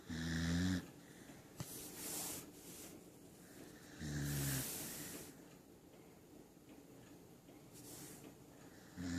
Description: Just Oakley the Corgi snoring on my lap